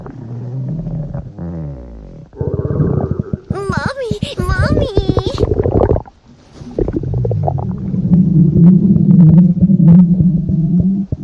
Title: (ARCHIVED) Stomach Growling